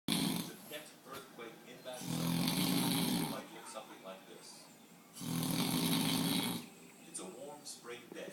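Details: Adult man snoring: two long, loud, rough snores about three seconds apart, with quieter breathing between them.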